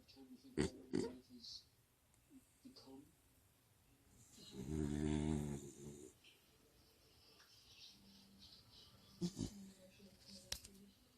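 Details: A sleeping pet, probably a dog, gives one loud, low, rattling snore with faint snuffles and clicks around it: snoring.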